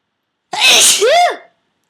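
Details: One loud, forceful induced sneeze, not triggered by allergies, which were mild that day: a sharp inward catch, then an explosive voiced release.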